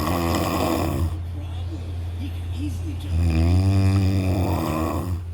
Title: Snoring smoothly 😁